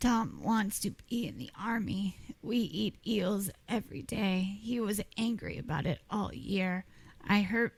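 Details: Classic adductor-type laryngeal dystonia (formerly spasmodic dysphonia), a neurologic, intermittent, task-specific voice disorder with strain-strangled voice stoppages.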